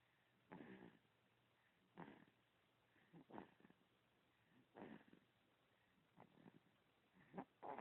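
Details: Soft, rough snoring noises during sleep, coming in irregular bursts a few seconds apart, with a faint low hum in the background.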